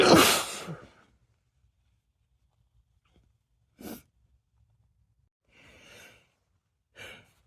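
Three or four sharp sneezes in a quiet room, the first loud and forceful, the later ones softer.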